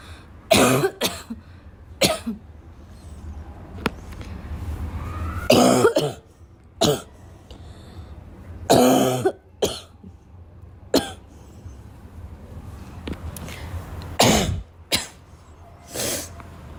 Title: Girl coughing 429